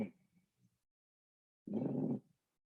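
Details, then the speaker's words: Low-pitched rattling, rumbling, snoring-like breath sound from the bronchi rather than the alveoli, due to mucus secretions or obstruction: rhonchi. "This one's described as a low-pitched rattling or rumbling, kind of like a snoring, located in the bronchi, not the alveoli here."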